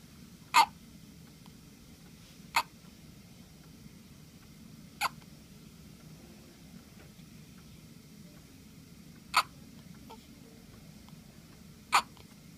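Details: Five brief, sharp hiccups at irregular intervals over about twelve seconds, against quiet room noise; hiccups.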